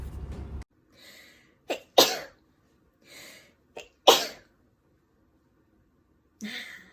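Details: Several short, sharp sneezes from Japanese girls, some preceded by a quick breath in, separated by silence.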